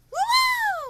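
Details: Re-enacted vocal tic of an adult woman with Tourette's, recently switched from aripiprazole to haloperidol, recreating a tic that came out when she felt uncontrollable; she says her tics worsen with waiting and overstimulation; finding: vocal tic.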